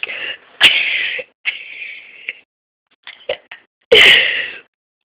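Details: Several sharp, forceful sneezes from a person deliberately sneezing on request while lying down, with loud bursts and short breaths between; sneeze.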